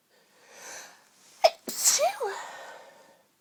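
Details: A girl lying in bed surrounded by tissues: a soft inhale, a sharp sneeze, then a second voiced sneeze trailing off, part of a long run of repeated sneezes.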